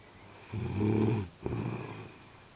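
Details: A mother snoring: one loud, gargling inhaled snore followed by a softer breath out.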